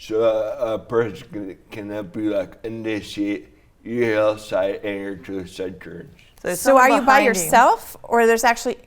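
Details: Adult man with traumatic brain injury from a snowboarding crash into a tree, with damage around the brainstem and cerebellum; after a coma he relearned to talk. Slurred speech; dysarthria after traumatic brain injury.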